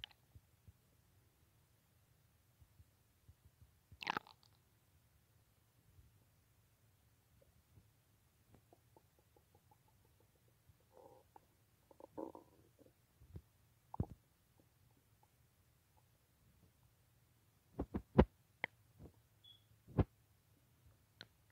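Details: Adult awake late at night, unable to sleep because of a restless stomach: quiet irregular gurgles, squelches and sharp clicks, active bowel sounds.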